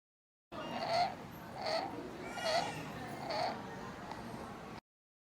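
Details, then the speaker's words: Child's rapid breathing with a harsh, high-pitched crowing sound on each breath in: inspiratory stridor. "high pitched sound that arises as a result of pathology in sutic region is your ster the most common cause for strier in pediatric age group particularly in young infancies"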